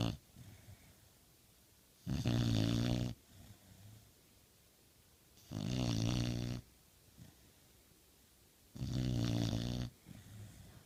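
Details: Snoring from a sleeping Pit Bull dog: three loud, rattling snores at a steady rhythm, about 17 per minute, with quiet breathing between them.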